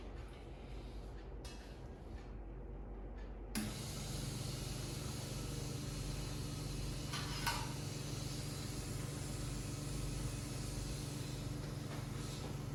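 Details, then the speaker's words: Nursing OSCE training demonstration of oral suctioning to clear mouth secretions from a male patient: steady low motor hum with hissing airflow. Suction machine running. "Bapak, di sini saya akan bertujuan untuk melakukan penghisapan lendir-lendir Bapak atau sekret yang bertujuan untuk menghilangkan sekret-sekret dan biar Bapak agar lebih nyaman."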